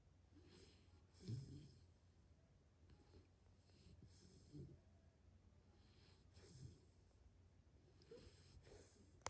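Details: A sleeping pit bull-type dog snores with low rumbling breaths and faint wheezy whistles, about four breaths in nine seconds.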